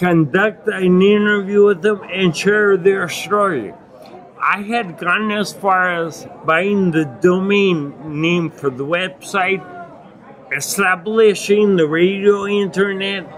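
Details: Adult man with acquired ataxia and myoclonus (Lance-Adams syndrome) after brain damage from Legionnaires' pneumonia and a 12-day induced coma; reports difficulty speaking and articulating; ataxic dysarthria.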